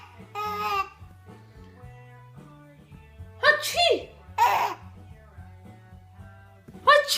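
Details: 7-month-old baby girl laughing, then sneezing: giggles followed by a few small, short sneeze bursts over soft background music.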